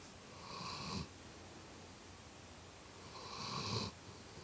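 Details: Snoring while sleeping on the owner; two slow, rasping breath noises about three seconds apart in a quiet room.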